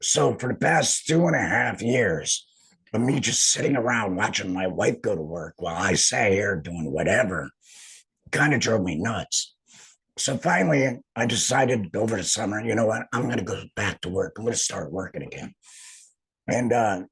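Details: Alaryngeal speech from an adult laryngectomee who returned to work after laryngectomy surgery.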